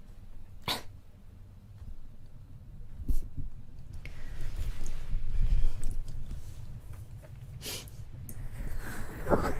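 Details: Young Chinese woman with allergy giving about three abrupt, wet-sounding sneezes, with noisy breathing and room noise between them.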